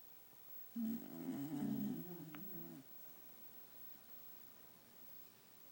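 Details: Beagle dog twitching and snoring during a 1 pm nap: a single rough, rattling snore lasting about two seconds, followed by quiet room noise.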